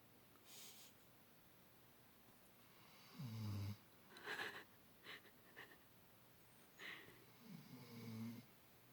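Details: Two low, rumbling snore sounds separated by quieter breath noises, in a quiet room: snoring in a sleeping male animal.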